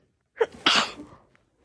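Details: Woman with allergy triggered by a friend's dogs, sneezing; her allergy sneezes sound unusual compared with her normal ones: a single sharp sneeze with a quick intake, then an explosive burst that trails off.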